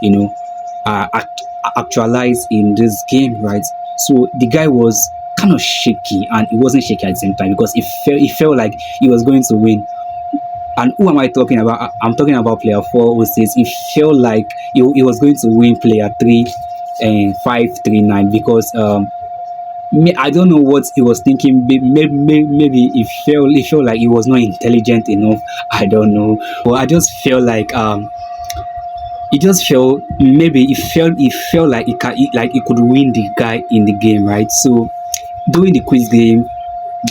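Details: Stuttering in a self-described male stammerer, with a broken word and a repeated word.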